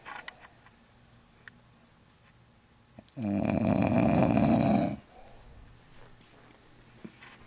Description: Our Aunt snoring up a storm when she came for thanksgiving.